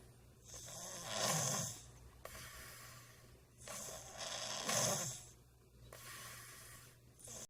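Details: Longstanding snoring, not the worst episode seen; poor rest suspected, sleep study hoped for: rhythmic snoring, about 17 breaths a minute, each a loud raspy rumble with a hissing edge, in a quiet room.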